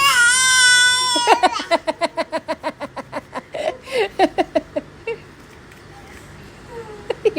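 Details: Infant crying: a sustained wail breaks into rapid, rhythmic sobbing bursts, then quiets, with faint adult voices in the room.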